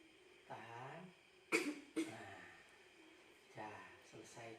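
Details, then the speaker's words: Deep breath in, then two forceful deliberate coughs through the mouth with the abdomen held, by a young patient coached by a nurse; effective voluntary cough technique to clear phlegm, in a training demonstration. ", 1, tarik nafas, tahan perut, batukan lewat mulut. Nah, sekali lagi dek, tarik nafas, tahan perut, batukan."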